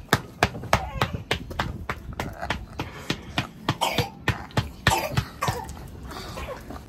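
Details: Adult woman recovering after surgery, voice hoarse at times, gives a rapid run of short, sharp, dry cough bursts with no wet or rattling sound; dry cough.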